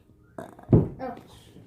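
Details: Child in a burping contest: a short, low, croaky gulping belch with a brief voiced tail, in a small room.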